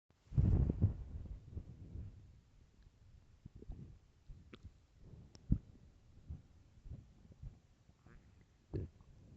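Low gurgling rumbles and irregular groans, loudest at the start and fading into scattered softer bubbling: stomach growling from hunger, a normal finding.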